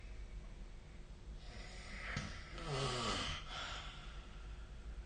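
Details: Snoring recorded with the SnoreLab phone app: a single low, rattling, snorting snore against steady background hiss; snoring.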